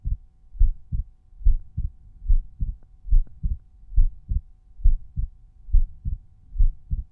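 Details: Normal heart sounds: a resting heartbeat recorded at one of several chest auscultation points (Erb's point, tricuspid, mitral, pulmonary, aortic), with the volume normalized separately for each point.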